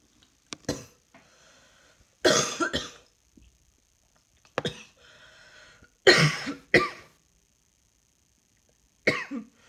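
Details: Coughing while trying to work, feeling rather hot: several short coughs in small clusters with quiet gaps between, in a quiet room.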